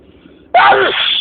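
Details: Spring allergy sneezing fit: one abrupt, loud voiced sneeze out of near silence, part of a very long sneezing attack.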